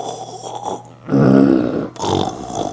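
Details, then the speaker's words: Snoring imitated by a doctor demonstrating obstructive sleep apnea, with breathing pauses and choking sounds during sleep from a narrowed airway: rough, rattling snorts. "혹시 이런 경험이 있는지, 이런 말을들은 적이 있는지 한번 생각해 보세요. 자다가 숨을 안 쉬는 거 같아요. 가다가 콕 소리를 냅니다. 이것은 수면 무험이 있는 것이죠."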